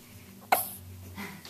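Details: Two-day-old, wide awake, with one short, sharp hiccup over quiet background, then soft breathing.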